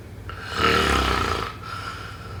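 A single rough, rattling snore on an indrawn breath, lasting about a second, over a faint steady background tone.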